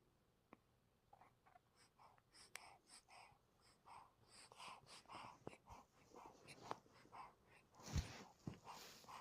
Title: Sneezing 🤧🤧